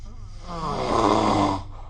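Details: Single low, rattling, buzzy snore swelling and fading over about a second during sleep, recorded with the SnoreLab app; ordinary snoring.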